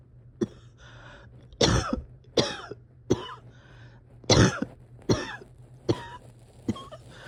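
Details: Person having a hard time resting or getting comfortable: repeated harsh coughs, about nine in seven seconds, with effortful breathing between them; cough with laboured breathing.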